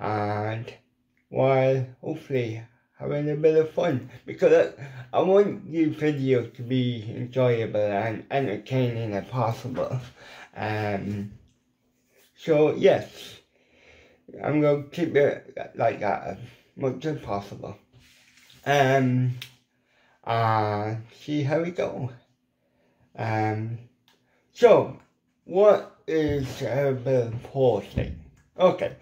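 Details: Dysarthria from lifelong ataxic cerebral palsy in an adult man with an involuntary hand shake and epilepsy; CP affects his mouth muscles, leaving his lips paralysed and weak so some letters are hard to pronounce.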